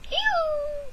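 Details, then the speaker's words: An adult with ME/CFS imitates the brief, high, cat-like 'ew' noise they make instead of properly belching when hungry: a deliberately faked abortive belch. "I sound like a cat. I will fake the noise now. This is what I sound like when instead of belching. I mean, I do belch, but instead of like properly belching, I"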